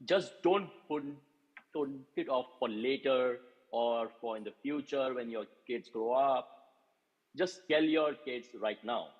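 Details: Adult male speaker; Normal fluent speech.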